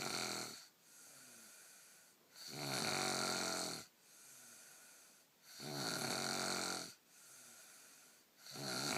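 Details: Heavy snoring: loud, rough, rattling snores on each breath in, with quieter breaths out between, about 20 breaths a minute.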